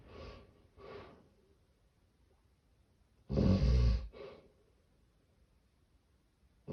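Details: Two soft noisy breaths, a silent pause of about two seconds, then a loud snorting gasp and a short breath; snoring with severe sleep apnea.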